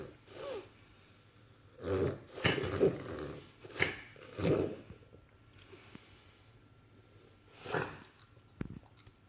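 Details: Dog reverse sneezing: a run of harsh, snorting breaths drawn in through the nose.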